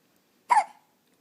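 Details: 2.5-week-old baby with hiccups that have lasted about 10 minutes despite patting, and who has been fussy: a single short, sharp hiccup in a quiet room.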